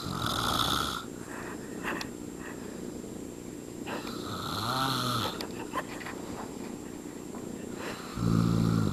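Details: Adult step-father snoring while asleep: irregular snoring with rattling, fluttering breaths and a louder snore near the end, over steady room noise; snoring.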